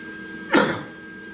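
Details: A single short, harsh cough over a steady background hum from an adult with a chronic cough due to respiratory issues, while welding in a mask as fumes bothered him.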